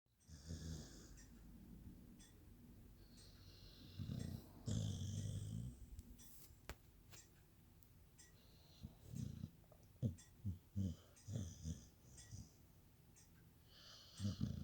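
Irregular low rumbling snores in a quiet room, some longer and some short snorts, with faint higher hiss between them.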